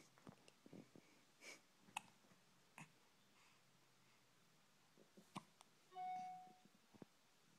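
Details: Hiccups in a quiet room: a handful of brief, sharp, irregularly spaced catches of breath, with a short tone near the end.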